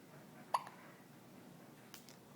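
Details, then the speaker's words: A single sharp, brief hiccup from a baby who is awake, in a quiet room, followed by faint softer clicks; infant hiccups. "How those hiccups treating you? Pretty annoying. You're wide awake. Uh-oh. Yeah. Sorry. That's no fun. Hiccups are no fun."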